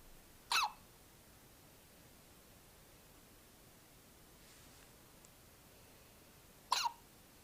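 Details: Two short, sharp, gulping hiccups about six seconds apart against a quiet background.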